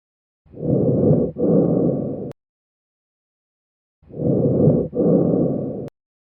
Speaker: Bronchial breath sounds. You are listening to bronchial breath sounds.